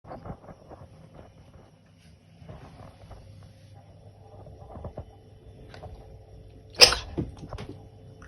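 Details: Quiet snuffling, then one sharp, explosive burst of air from Gosha, a caracal; a single sneeze.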